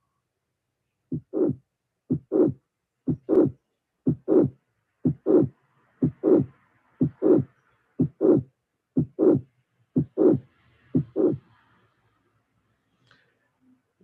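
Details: Mitral regurgitation: regular heartbeat near 61 a minute; first sound, brief silence, then a late systolic murmur running into the second sound.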